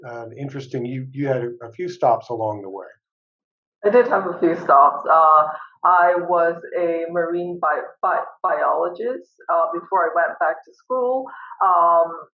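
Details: Adult woman professor who stutters and uses no fluency techniques while teaching; part-word repetitions; stuttering.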